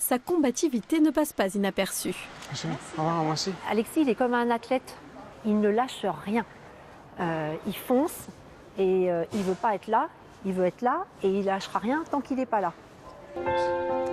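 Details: Adult woman speaking French; no disorder.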